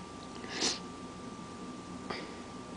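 A single sharp, hissy burst, then a fainter second one, over a steady room hum: sneezing, here with allergies.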